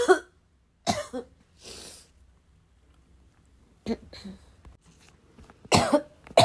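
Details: Adult with a bad, persistent cough described as a little wheezy, a little chesty and barking: several harsh chesty coughs and throat clearing separated by quiet pauses; cough.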